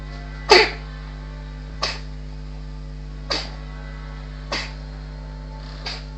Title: sneezing cat